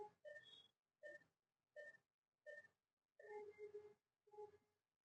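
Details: Contec CMS 8000 five-parameter patient monitor, SpO2 probe connected: short regular electronic beeps, one per heartbeat, pulse oximeter tracking pulse; reading SpO2 96%, pulse rate 81.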